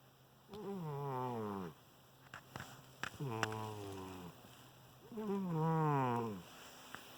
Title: Snoring kitty"Vinnie"